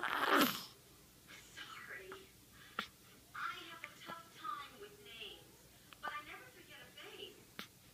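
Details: A loud burst opens, then a child's quiet vocal sounds broken by about four abrupt, sharp catches a second or two apart: hiccups.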